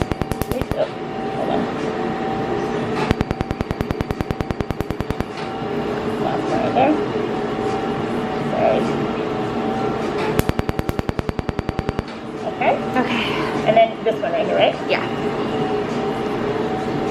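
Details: Laser tattoo removal session at a clinic: bursts of rapid sharp snapping clicks, about 200 a minute, over room noise and music as the laser fires pulses.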